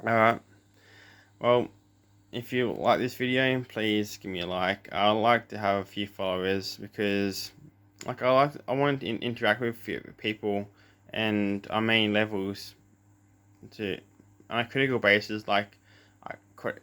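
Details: Adult male with cluttering since birth, plus a lisp; doubles words, runs words together, speaks too fast and uses fillers; cluttering.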